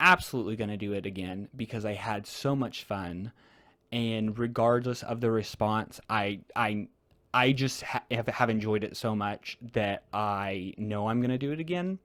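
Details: Real, natural conversational speech from a male podcast host who stutters; part-word repetitions of an initial sound are heard; stuttering.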